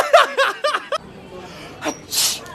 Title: Sneezing on people prank